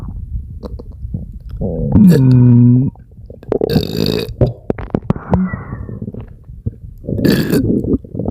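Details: Huge belches, loud low and drawn-out, among irregular gurgling and bubbling bowel noises; stomach rumbling (borborygmi) with belching, tagged as gassy stomach with diarrhea.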